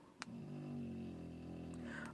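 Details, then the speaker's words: Female dog snoring in a quiet room: a low, steady rumbling drone lasting nearly two seconds, with a couple of light clicks. "goodness do you hear that that's my dog snoring"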